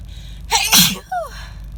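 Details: Sneeze from a head cold moving to the chest, harsh and throat-hurting despite an attempt to stifle: a sharp in-breath, one loud forceful sneeze, then a brief gasp, recorded in a car with steady car noise.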